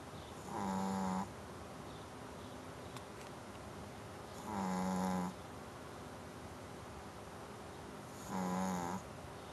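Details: Snoring: three buzzing, tonal snores with quiet pauses between them, about 16 breaths a minute, over steady low room noise.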